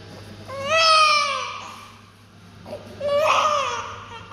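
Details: Newborn baby girl, morning birth, crying just after birth and after cleaning: two clear, high-pitched cries separated by a breath pause; a strong cry.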